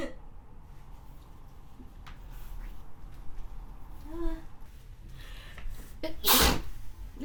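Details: Person sick with a cold: quiet snotty sniffing and a breath in, then one loud, wet sneeze near the end.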